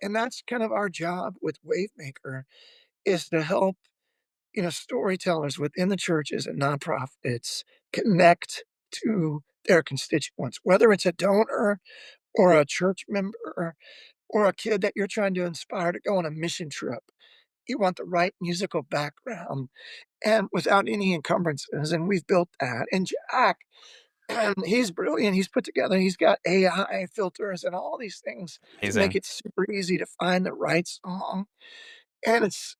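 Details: Adult male former lead vocalist with spasmodic dysphonia, a vocal disorder that began at the height of his singing career and ended his music career; he says it is audible in his voice; real condition, spasmodic dysphonia.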